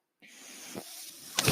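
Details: Mechanical ventilator breath cycle from the speaker's own ventilator, heard while he talks: a steady airy hiss with brief low puffs and a louder rush at the end.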